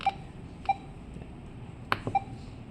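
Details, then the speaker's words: Four short electronic beeps from keypad presses while patient name, ID and type are entered on a Comen S6 defibrillator in a quiet room. "we can manually add a first name we can type the first name of the uh patient for example e e s then enter patient ID patient type and"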